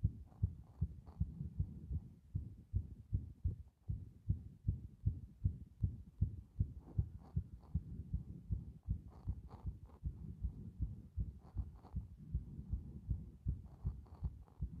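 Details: Strong, regular low thumps of a fast heartbeat at roughly 150–160 a minute, with a faint hum underneath.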